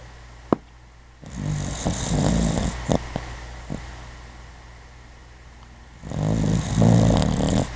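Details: Sleepy puppy snoring during sleep: two rumbling, fluttering snore breaths over a steady background hum, with a few soft clicks and snorts between them.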